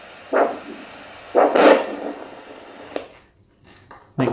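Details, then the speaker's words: Podiatry Doppler ultrasound checking circulation in foot arteries (top of foot or behind ankle): rhythmic whooshing arterial pulses over steady hiss, judged normal foot pulse with adequate blood flow. "we use this to check circulation in your feet sounds all right to me"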